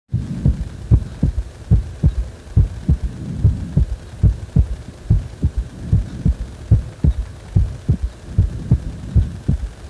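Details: Heartbeat described as feeling like the heart is wobbling: regular low thumps at about 73 beats a minute over a steady hum.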